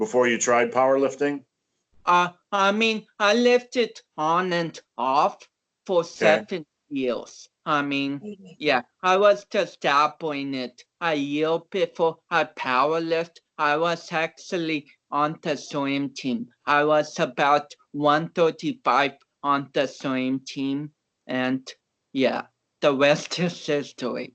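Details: About 29-year-old male powerlifter with cerebral palsy whom doctors had not expected to walk or talk; real conversational speech showing dysarthric speech in cerebral palsy.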